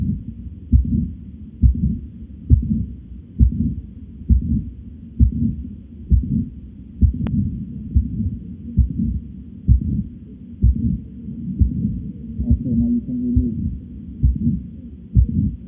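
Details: Steady low heartbeat thumps at about 66 per minute with a faint hum between beats; heart sounds recording.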